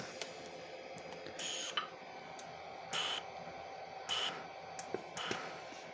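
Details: Inogen One G3 portable oxygen concentrator after refilling with fresh zeolite, reading about 98% oxygen: short hissing gas puffs, some with a faint tone, each released as a breath triggers its pulse-dose delivery.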